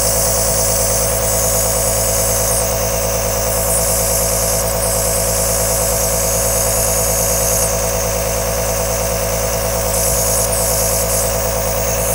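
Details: Aerosol nebulizer running continuously: a loud, steady mechanical hum and hiss with no breaks.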